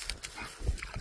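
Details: Cough in an animal after it killed (strangled) a snake; short, harsh, low bursts in quick succession; owner asks if this is normal.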